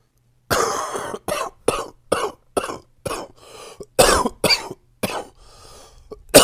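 About a dozen short, harsh coughs in quick bursts with brief pauses between them, typical of a cough during a cold.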